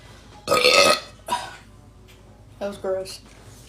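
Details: Female giving one long, loud, rumbling burp, then a shorter one and brief voiced sounds, after drinking flavoured drinks (eight ounces mentioned); ordinary belching.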